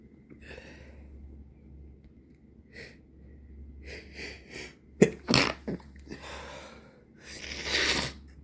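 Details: Person with a stuffy nose irritated for several days, recorded in the evening: several sneezes, some stifled and muffled, others sharp and explosive, with congested sniffing breaths between.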